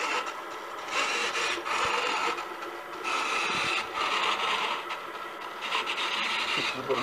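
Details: Homemade programmable bedside ventilator whose servo-driven scissor arms with wood pads squeeze a BVM (Ambu) bag on a medium inhale/exhale waveform: a repeating mechanical hiss and rasp rising and falling about 27 times a minute.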